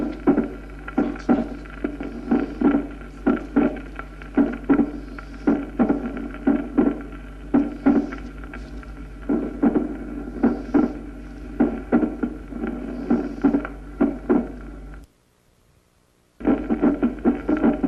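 Irregular heart sounds with a sharp early diastolic click closely following the second sound: mitral opening snap with a short interval, slow atrial fibrillation.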